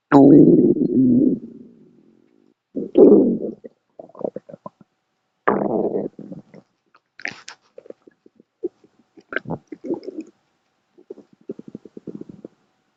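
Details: Pet rabbit recently cleared from hospital: irregular low gurgling rumbles and bubbling pops from her belly; stomach growling (borborygmi), ordinary gut movement.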